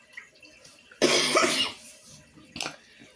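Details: Cough from a person with a slight cold.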